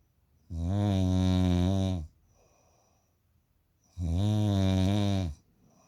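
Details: Two long, loud, buzzing snores, each about one and a half seconds, separated by a quiet pause; snorer's sex unstated; snoring.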